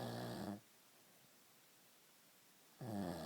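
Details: A sleeping man gives two loud, rough, low-pitched snores separated by a quiet gap of about two seconds: ordinary snoring.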